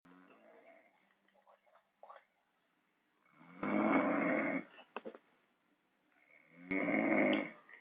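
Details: Loud, rough, heavy snoring every three to four seconds with quieter breathing between snores, recorded in a boarding house.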